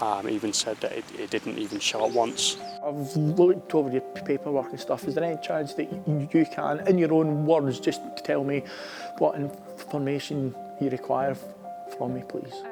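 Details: Adult male Armed Forces captain who stammers, speaking in an interview; stuttering.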